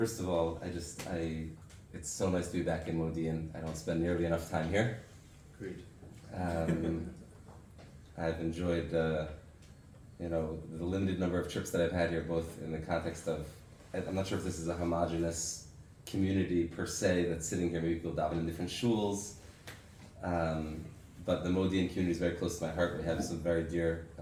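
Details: Adult male speaker; normal speech.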